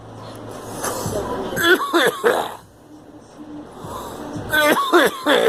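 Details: Girl coughing: several harsh cough bursts in two clusters, with voices and music in the background; a plain cough.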